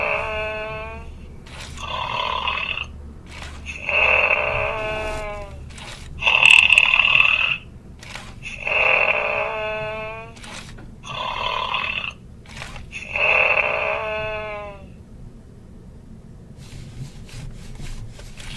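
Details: Simulated snoring from a 2013 Furby Boom electronic toy with a jolly personality, put to sleep: a rhythmic, buzzy, snore-like sound in repeated bursts, imitating snoring rather than a real sleeper.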